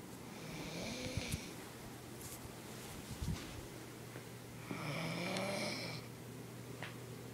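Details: A woman snoring while asleep, recorded to prove to her that she snores.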